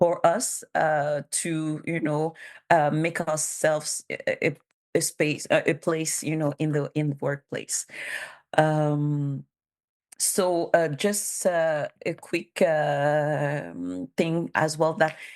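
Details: Bilingual adult woman who stutters, self-declared as a disability and documented by a speech therapist; stuttering.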